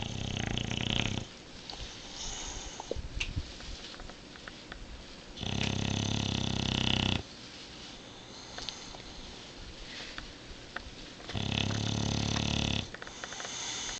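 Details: Tank, a sleeping bulldog, snoring: loud, rough snoring breaths of about 1.5 seconds each, with quieter gaps, roughly every five to six seconds; snoring.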